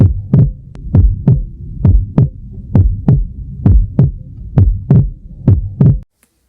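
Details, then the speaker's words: Normal heart auscultation with regular lub-dub sounds at about 66 beats a minute, first without variation, then with physiological splitting of the second sound (S2) on inspiration from delayed pulmonary valve closure. "O vídeo a seguir demonstra a auscuta normal sem variação e demonstra também essa auscuta com esse desdobramento da B2."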